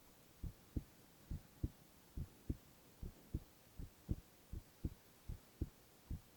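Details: Male ASMR heart-sound recording with no talking: steady, regular lub-dub at about 75 beats a minute, clear paired sounds, no extra noises; normal heart sounds.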